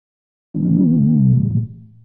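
A single low, wavering gurgle over the abdomen, a normal bowel sound.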